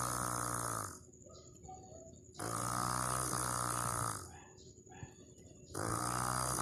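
Loud, rough, buzzing snores on each breath in, with quieter breaths out between; about 20 breaths a minute. Snoring.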